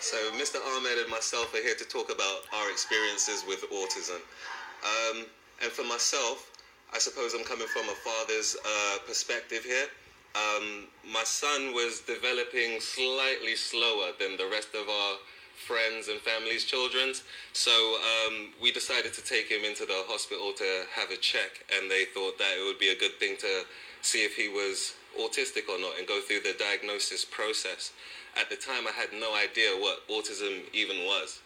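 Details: Adult male speaker; normal speech.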